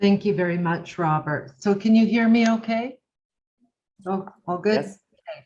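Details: Adult woman speaking; Normal fluent speech.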